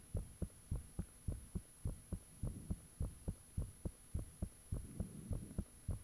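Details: Own heartbeat recorded with the fan off, shortly after the heart began feeling really thumpy: clear, regular, slightly fast strong thumps about 105/min with a steady background hum; valves said audible at times; heart sounds.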